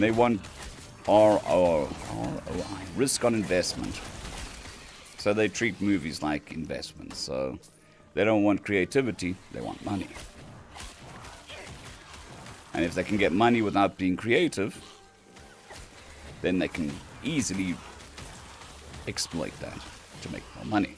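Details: Dysphonia in a man on day 2 of recovery after vocal cord surgery; cords mostly healed but lacking strength and stamina, sounding laryngitis-like, with physiotherapy pushing the voice.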